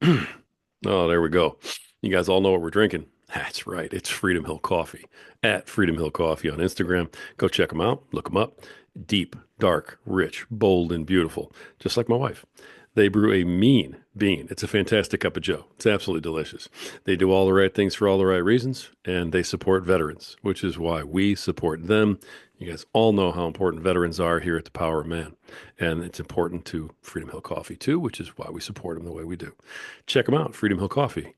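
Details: Adult man; typical speech.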